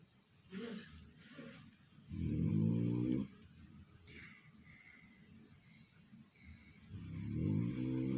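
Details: Person snoring, sounding like a hungry pig: loud, low, grunting snores on breathing in, with softer breaths between, a coarse pig-like rattle of heavy snoring.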